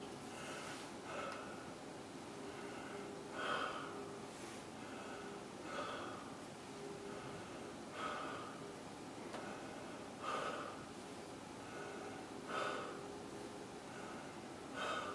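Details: Lung auscultation through a stethoscope: soft, rushing breath sounds rising and falling in a steady rhythm, about 26 breaths a minute.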